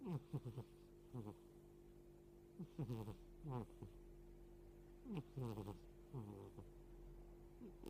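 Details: 13-year-old cat snoring loudly 'boo, boo': soft, buzzy, fluttering snorts in short bursts over a steady background hum.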